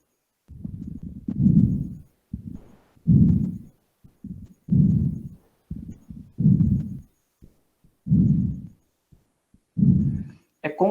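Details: Repeated low breath sounds with fine crackling crepitations on lung auscultation, likened to rubbing hair beside the ear, played in a trauma physical-examination lecture.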